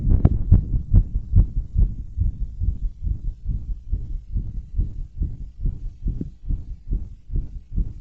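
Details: Heartbeat recorded after bouncing exercise and balloon blowing: strong, regular low thumps about 140 a minute; normal heartbeat, fast after exertion.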